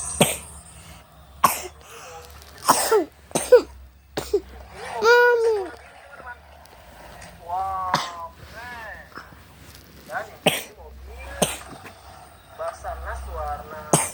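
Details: Young boy with a cough and cold: several short, sharp coughs between whiny, crying vocal sounds.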